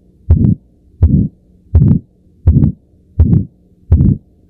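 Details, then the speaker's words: Aortic stenosis murmur from a narrowed aortic valve: a regular heartbeat near 83 per minute with a harsh, swelling murmur filling the gap after the first heart sound. "aortic stenosis murmur which is due to a narrow aortic valve between the left heart and the big artery called the"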